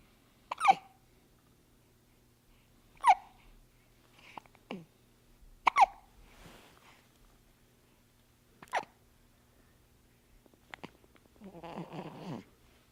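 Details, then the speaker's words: Newborn baby boy, about 10 days old, with hiccups: repeated short, squeaky hiccups, about five in ten seconds, slightly irregular, ending with a brief fussy vocal sound. "he's got hiccups hiccups are his main problem in life so he's having a pretty good life so far"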